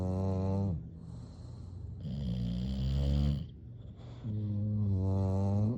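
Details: Sleeping bulldog snoring: loud, deep, rattling snores with each breath, about two cycles in six seconds.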